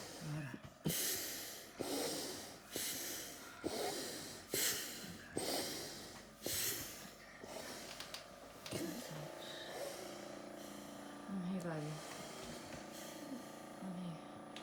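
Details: Child at home with oxygen saturation 86%: loud, harsh, noisy breaths repeating rapidly, about 65 a minute, consistent with stridor.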